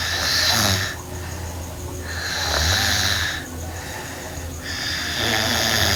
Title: Sleeping Girl Snoring (NGR) Part 2